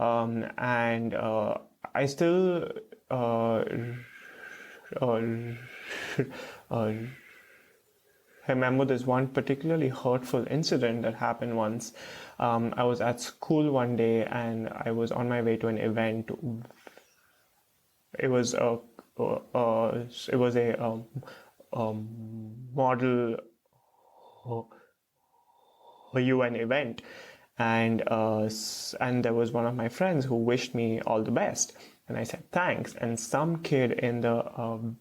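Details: Stuttering with blocks and repeated fillers in an adult man, a PhD student in speech therapy, stuttering since age 3 to 3.5; his parents are unsure whether onset was linked to a childhood fright.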